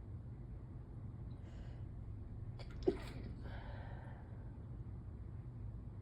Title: Stifled morning allergy sneezes (pt.1/3)